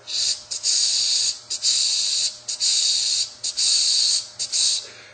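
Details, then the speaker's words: Vocal imitation of mixed mitral valve disease for MRCP PACES exam heart-sound teaching: long hissing murmurs filling most of each cycle, combining features of mitral stenosis and regurgitation. "small Gap and you could have a mixed mital disease which sounds"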